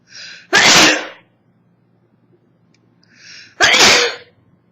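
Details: Two sneezes about three seconds apart, each a voiced indrawn breath then loud explosive burst, from a 24-year-old woman with summer allergies; recorded on an old phone with distorted sound.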